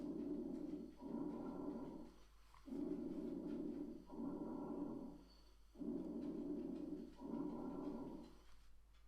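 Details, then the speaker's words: Stethoscope lung auscultation in a medical teaching recording of a patient wearing a finger pulse oximeter: soft, low rustling breath sounds in regular cycles, about 19 a minute; normal vesicular breath sounds. "Y si os fijáis en el espectro, ¿vale? Tenemos aquí el murmullo vesicular normal."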